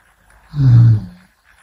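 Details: A single low, rumbling snore lasting under a second from an adult dozing off while sitting up, head nodding during a daytime nap.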